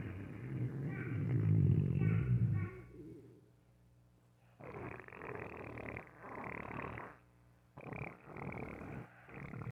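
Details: Low, rumbling gurgles from a dog's belly: stomach growling (borborygmi).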